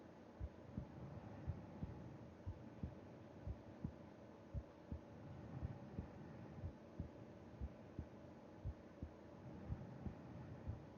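Soft low thumps repeating steadily under a constant hum, heard through the chest of a sleeping adult; ordinary heartbeat.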